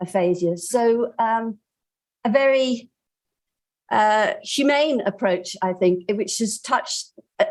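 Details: Woman about two years into primary progressive aphasia from a progranulin gene mutation, with marked left-hemisphere atrophy, naming pictures; she is agrammatic and severely anomic, produces some jargon, and has impaired repetition worse for phrases than for single words.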